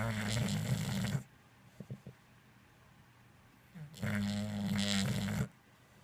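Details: Two loud, rattling inspiratory snores, each over a second long, with quiet pauses between, from a sleeping English Bulldog.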